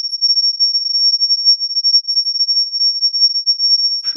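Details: Tinnitus simulation sound effect: a steady, piercing high-pitched tone rings without a break, imitating ringing in the ears.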